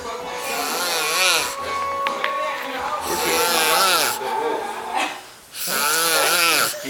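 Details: Long, rough snoring sounds with a tonal, whistling edge on each breath, about two to three seconds apiece; snoring.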